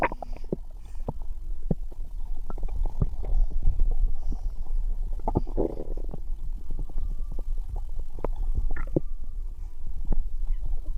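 Irregular soft gurgles and low rumbling pops over a steady low hum; ordinary bowel sounds.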